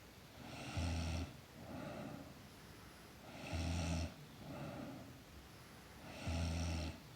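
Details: Sleeping girl snoring: rhythmic rattling snores on each breath in, softer breaths out, about 20 breaths a minute.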